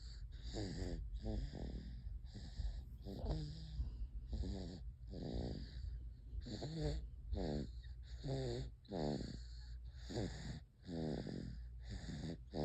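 Repeated rough, buzzing breathing sounds about every second, like snoring, with steady background hum.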